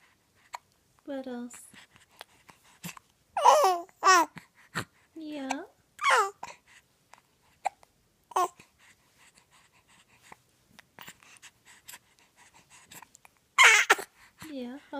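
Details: Short, sharp hiccups recurring every few seconds, interrupting babbling and squeals.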